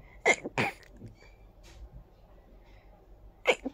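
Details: Sneezing fit after a very tickly nose: three sharp, explosive sneezes, two close together and one after a pause, in a quiet room.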